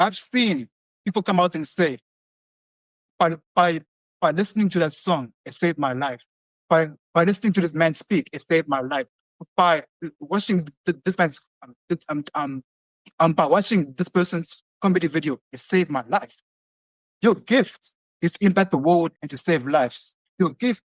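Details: Adult male who has stuttered since early childhood and has seen many speech therapists; he describes his speech as prolonged or delayed with repetitions; stuttering.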